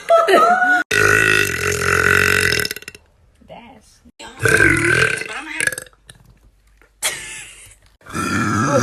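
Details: Several loud, drawn-out, voiced belches separated by short pauses; ordinary burping.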